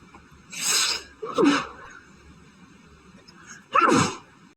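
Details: Sneezing fit after going outside to check the mail during a very high pollen count; person suspects a new grass allergy, as grass normally doesn't bother them. Three sharp, explosive sneezes in quick succession.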